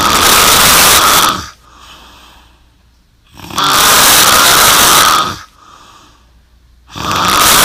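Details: Very loud, harsh, rasping snores at about 16 breaths a minute, with quiet pauses between them; heavy snoring.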